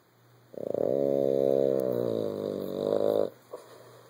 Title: snoring